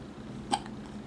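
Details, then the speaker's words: A young child with hiccups: one brief, soft, sharp hiccup click against steady room hum. "You have the hiccups? Do you have the hiccups?"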